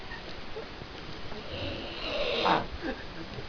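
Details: Loud snoring in a man with flu: a rough, rising snorting snore with throaty rattling over room noise, some snores sounding frog-like.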